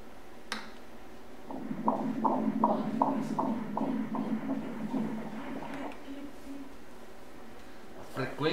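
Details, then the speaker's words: Fetal heartbeat on Doppler ultrasound at 14 weeks' gestation: rapid, regular whooshing pulses at 159 beats per minute. "Vamos agora escutar o coração do bebê batendo, olhe lá o coração."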